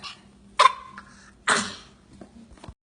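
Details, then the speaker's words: A child gives two short, dry coughs on request, a fake (voluntary) cough rather than an illness cough. "That's a fake cough. Is that a real cough or a fake cough?"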